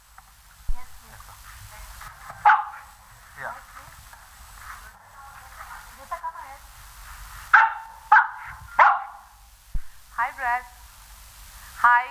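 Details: Repeated bark-like vocal tics during a pause, from a man with severe Tourette syndrome.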